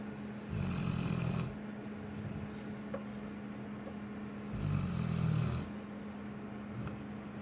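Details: Cane corso dog snoring: deep rumbling breaths, two long snores a few seconds apart over a steady hum; dog snoring.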